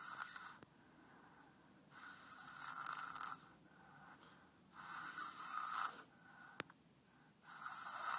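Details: Very tired and in deep sleep: rough, hissy snores on each breath in, about 26 a minute, with quiet breaths out between them; snoring.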